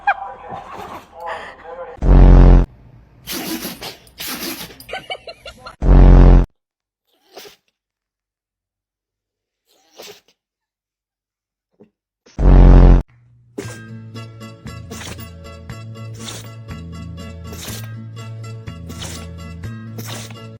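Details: A dog gives several short, sharp sneezes, with loud thumps and upbeat music toward the end: dog sneezing.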